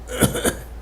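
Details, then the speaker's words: Two abrupt, brief throaty hiccups about a quarter second apart, each with a short breathy hiss, occurring during a coughing fit after something went down the wrong tube. "yeah let's see if I can stop now burp in there with it there hiccup"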